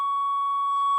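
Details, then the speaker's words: A steady, clear, high-pitched pure tone held for about a second, played from a free phone tone-generator app in a hearing-range test. The tester says they cannot hear tones above about 12–13 kHz. "I'll tell you right now when I play it's loud when I get up to about 12 to 13 thousand in that range I can't hear anymore"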